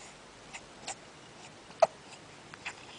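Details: A single sharp hiccup stands out among faint clicks and rustles in a quiet room; hiccups.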